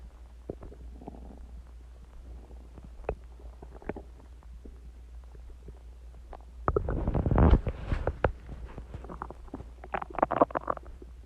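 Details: Loud stomach growling (borborygmi) about an hour after eating eggs and ice cream and drinking Coke, audible without a mic; heartbeat sounds recorded afterwards.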